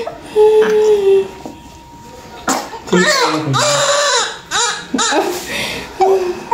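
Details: Newborn at about 38–39 weeks, just after normal vaginal delivery, covered in vernix: bursts of crying with adult voices and room noise around them.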